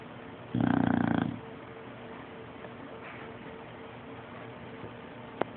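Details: Sleeping bulldog gives a single loud, low, fluttering snort under a second, then quiet room noise with faint hum and click; snoring.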